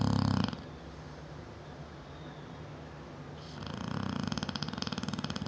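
Deep, rattling snores on the in-breaths with quiet pauses between; a large dog snoring.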